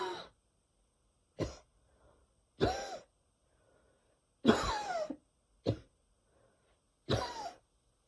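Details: Wheezy coughing fit in the evening before bed: six separate harsh coughs with pauses, several with a whistling, wheezy edge.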